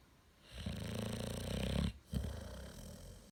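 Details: A long, low, rattling snore on the in-breath, followed by a short snort, in a quiet room: snoring.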